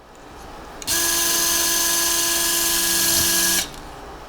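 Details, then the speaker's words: Steady high-pitched motor whine for about three seconds as a powered drill bores bone through the guide for an 11 mm OSSIOfiber compression staple in a demonstration Akin osteotomy of the big toe (hallux). "so we'll go ahead and start our drilling I'll place my guide here where uh I'd like to insert the staple drill to the positive [Music] stop I'll drill my second"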